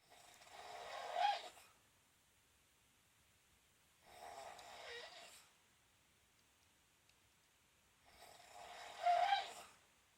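Raspy, slightly whistling snores on breaths every four seconds, about 15 a minute, with silence between: snoring.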